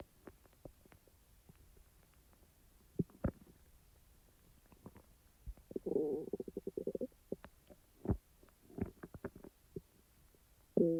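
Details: Irregular gurgling and growling stomach sounds, soft clicks and louder rumbles after eating; normal bowel sounds (borborygmi).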